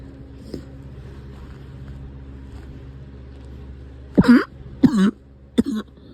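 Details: Three short, harsh coughs over steady vehicle engine noise after a quieter stretch; cough has returned.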